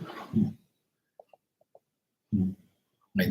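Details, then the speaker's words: Loud dog snoring, repeated low rumbling snorts every two to three seconds, from a dog sleeping under the owner's feet; the owner says they have never heard a dog snore so loudly. "How am I supposed to concentrate on the cards if I hear the damn dog snoring right below my damn feet? God, man. Never seen a dog that snores so loud in my life."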